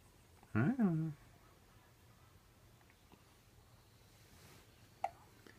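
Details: Tiny baby in bed with father, with hiccups: one brief voiced hiccup-like squeak in a quiet room, then small clicks.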